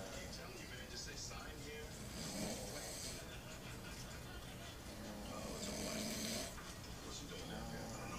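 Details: Two sleepers compared for who snores louder: rough snoring breaths over steady room noise with television or music in the background; snoring.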